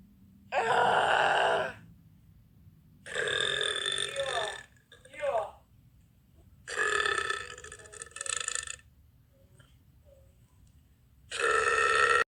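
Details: Young woman burping: four long, loud, rumbling voiced belches, each about one to two seconds, with quiet between them; repeated burping.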